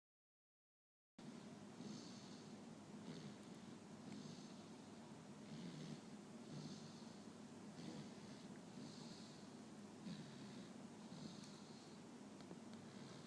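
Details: Toddler aged 1 year 8 months, asleep with a blocked nose: soft steady snoring with regular hissing breaths about every 1.3 seconds; snoring with nasal congestion.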